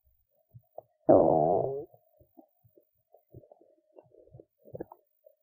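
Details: One drawn-out gurgling growl then scattered small pops and bubbling clicks from the belly of a woman who skipped lunch and is hungry; hunger stomach rumbling (borborygmi).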